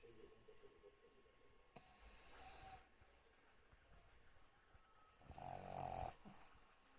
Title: Snoring Pug